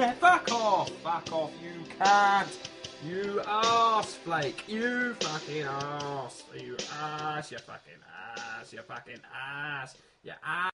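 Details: Person with Tourette syndrome singing karaoke, repeated involuntary swearing tics interrupting the lyrics; coprolalia (vocal tics) in Tourette syndrome.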